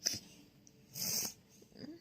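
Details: A pet with a cold, cough and runny nose gives a sharp nasal burst, then a hissing, snort-like exhale: a sneeze.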